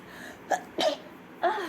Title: girl sneezing rapidly.|| rapid sneeze.